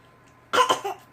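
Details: A child's fake cough while being silly: a brief pretend cough of two quick bursts and a short voiced tail, lacking a real cough's force. An adult doubts it is a real cough.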